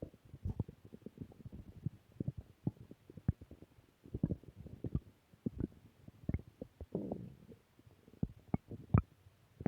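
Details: Returning stomach growl: frequent low gurgles and rumbling pops as gas and fluid move through the gut; active bowel sounds (borborygmi).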